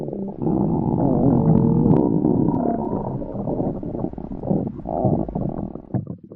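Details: Sound-effect recording of a female's stomach growling: loud, low, drawn-out gurgling and rumbling lasting several seconds, from gas and fluid moving (borborygmi).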